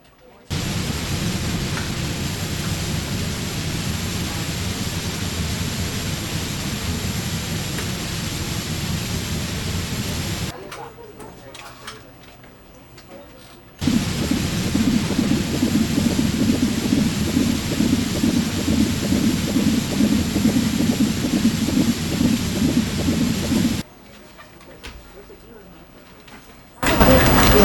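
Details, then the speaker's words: Simulation of hyperacusis and tinnitus: a constant high-pitched ring over loud, harsh rushing noise, cutting out briefly between bursts. "the following is a simulation of what it's like to have hyper cusis and tinitus"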